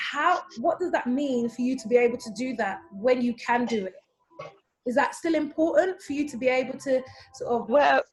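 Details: Adult woman speaking; typical speech.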